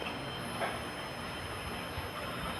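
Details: Battery-powered nebulizer for asthma being demonstrated and switched between its three settings (second press gives stronger mist): steady, rumbling motor hum of the nebulizer running.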